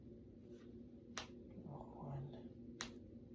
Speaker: Ooh, that felt good. Wow. It feels good to crack my fingers.